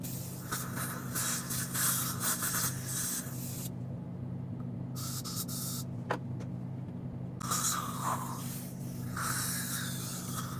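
Bursts of hissing air-water spray alternate with a steady suction hum over a low motor drone, the ordinary sounds of dental equipment during a filling.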